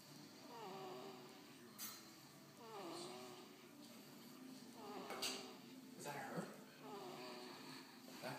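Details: Snoring: soft, pitched, slightly whistling snores recurring about every two seconds, roughly 27 a minute, over faint room noise.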